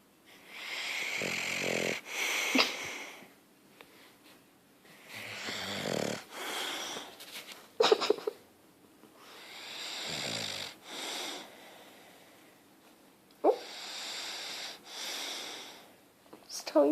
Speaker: He just doesn't wake up. Back to snoring.